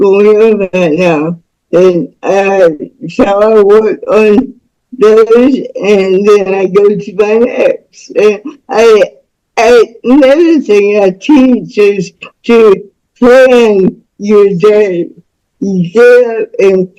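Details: Speech of a woman about to turn 49 with cerebral palsy since birth (umbilical cord around her neck); doctors predicted she would never walk or talk; dysarthric speech.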